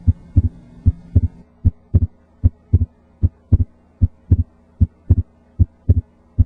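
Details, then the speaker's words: Normal S1 and S2 with the stethoscope diaphragm at the left second intercostal (pulmonic) space in a supine patient with increased chest AP diameter and non-palpable PMI; steady paired lub-dub at about 76 a minute. "know that there are specific sounds that are heard loudest at certain locations again s1 is laos at the apex and s2 is largest at the base of the heart"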